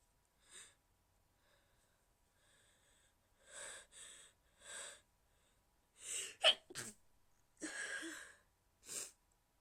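Soft breathy inhalations, then a series of short, hushed, stifled sneeze bursts; quiet, suppressed sneezing.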